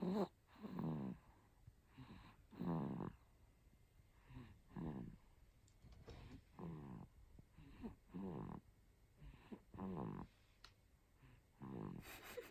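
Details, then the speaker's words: Deep, rattling snores on each breath from a sleeping 2-month-old baby boy, about 30 breaths a minute, surprisingly coarse for an infant; harmless sleep snoring. "いびきがすごいね。いびきをかいて寝る祭りです。"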